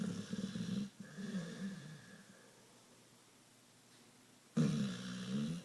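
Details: Pitbull dog snoring like crazy while asleep: low, rough, rumbling snores in two bouts separated by a quiet pause.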